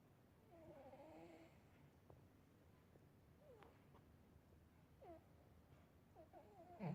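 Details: Soft, low, rough breathing sounds over quiet room noise, with faint chirps in the background, from a sleeping cat (Sunny); snoring.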